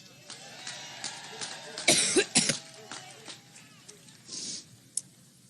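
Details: Adult woman speaking at a rally in Cleveland has a coughing spell: a tight cluster of three harsh coughs over public-address background noise, interrupting her speech; she attributes it to an allergic reaction.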